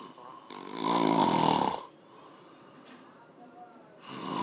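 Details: Person asleep snoring: a single loud, rattling breath in, followed by quiet.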